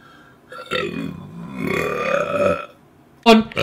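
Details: Girl's long, rough, throaty burp lasting about two seconds, then a brief vocal sound; a loud belch, from a burp compilation.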